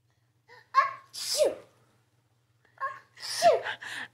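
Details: Small child sneezing while drinking milk from a bottle: two sneezes, each with a short voiced intake then a sharp hissing burst.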